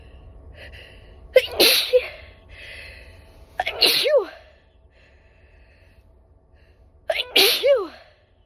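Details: Three loud sneezes, each a quick indrawn breath, forceful burst and voiced trailing sound, over light background noise, recorded during a train ride and apparently deliberately induced; sneezing.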